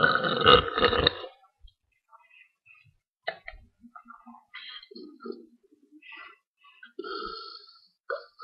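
A long, loud, rumbling burp at the start, followed by quieter scattered sounds; belching.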